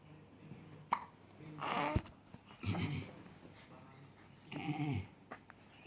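Soft background with three short voiced hics, each starting abruptly; hiccups, sudden involuntary spasms of the breathing muscle.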